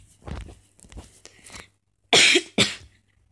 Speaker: if you can hear that that's me coughing I have a bit of a sore throat